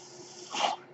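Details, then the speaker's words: Speaker's own mechanical ventilator, heard while they record a podcast; the ventilator's breath is audible. "Hello, everyone. That noise you're hearing is my ventilator."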